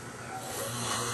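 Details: An adult man snoring loudly while asleep, audible from the living room and not waking when a pillow was thrown at him: a brief, continuous rough rumbling.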